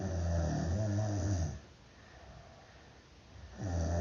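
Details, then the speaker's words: Snoring from a person who snores around 4:20 every night, recorded before testing an anti-snoring mouthpiece for snoring. "snore at around 420 every night."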